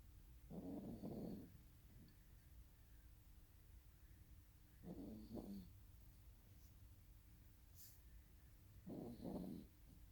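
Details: Snoring: three rattling snores about every four seconds, roughly 15 breaths a minute, over steady background hum.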